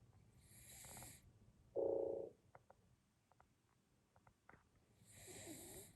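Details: Snoring during sleep: soft, hissing snores recurring about every five seconds, with a short snort between them; ordinary snoring.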